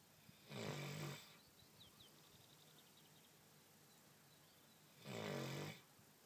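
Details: Female dog asleep in the sunshine, snoring loudly: two long, rough, rumbling breaths about four and a half seconds apart with quiet between; snoring.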